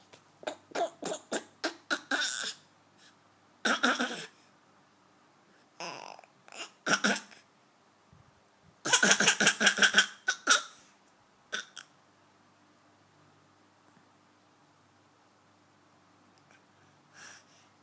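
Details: A young boy imitates an adult man's cough and throat clearing in short playful bursts, not a sign of illness.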